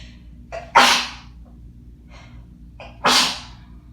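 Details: Two forceful sneezes from dust while cleaning house, each with a short in-breath before the explosive burst, in a quiet room.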